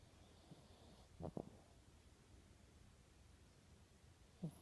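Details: A sleeping cat in a quiet room gives two brief, low, soft snorting snores about three seconds apart; snoring.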